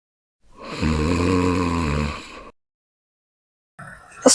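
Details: Comedic imitation of a wife's snoring: one loud, drawn-out, groaning snore followed by silence and a brief noise; exaggerated, simulated snoring.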